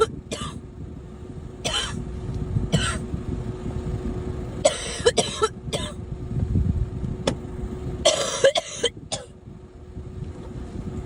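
Several short, sharp cough bursts in quick clusters over steady traffic-like background noise.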